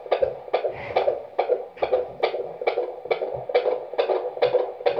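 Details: Rapid, regular galloping whooshes of a fetal heartbeat picked up by a handheld Doppler, about 136 beats a minute; fetal heartbeat on Doppler.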